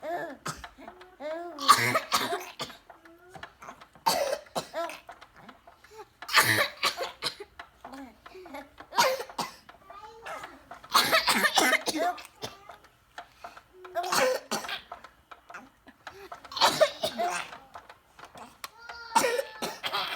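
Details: Children's deliberate playful coughs, each answered by an infant's giggling laugh; voluntary coughing, not illness.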